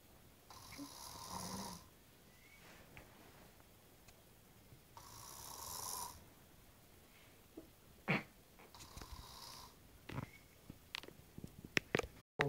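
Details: Quiet snoring: two soft, rasping breaths about four seconds apart, followed by clicks and rustling in a quiet room.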